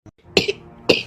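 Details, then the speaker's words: Two sharp, forceful adult cough bursts, acted in an advertisement for an Ayurvedic cough syrup, keeping others awake at night; cough. "क्या गदर मचा रखा है ना खुद सोते हो ना दूसरों को सोने देते हो"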